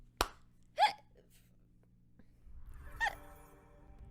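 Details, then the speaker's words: Person with multiple hiccups: short, abrupt gulping sounds in a quiet room, two or three within a few seconds. "having multiple hiccups this isn't a good sign"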